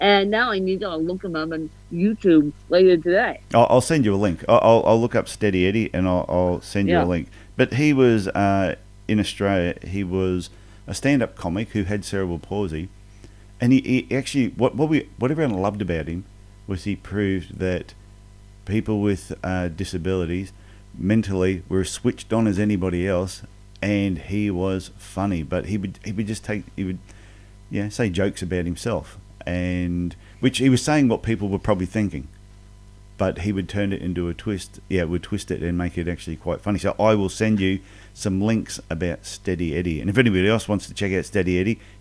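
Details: Adult male speaker; normal speech.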